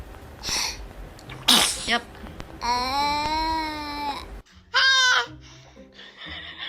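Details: Baby sneezing: two quick breathy bursts typical of an infant sneeze, then a high cry-like squeal and a short vocal sound in a quiet room.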